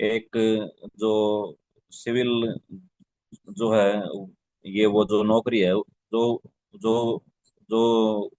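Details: Adult man whose stammering kept him out of the Air Force and Navy after the medical exam in 2001–2002; stuttering.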